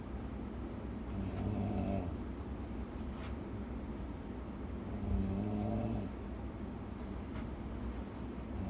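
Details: Sleeping person snoring heavily: two loud, rattling inhaled snores about four seconds apart over steady room noise; snoring.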